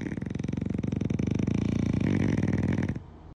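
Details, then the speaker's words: French bulldog puppy sleeping on a pillow: loud, rough, fluttering snore through one long breath of about three seconds with rapid vibration throughout; heavy snoring. "Второй спит рядышком, но потихоньку. А этот на всю квартиру храпака даёт."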